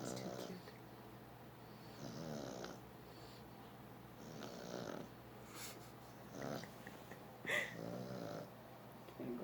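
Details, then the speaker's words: English Toy Spaniel sleeping after a long day at a show: soft, rattly snoring bursts roughly every one to two seconds against quiet room noise; ordinary snoring. "starting to snore too. They're both snoring. I can feel him relaxing more."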